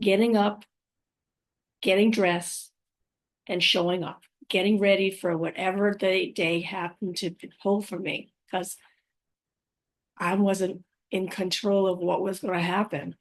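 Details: Woman five years after a stroke who says she has aphasia, apraxia of speech and dysarthria, and that her speech can sometimes be hard to understand. Aphasia with apraxia of speech and dysarthria.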